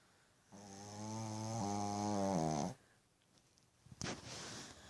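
One long, loud, buzzing snore from a puppy, followed by a brief rustle.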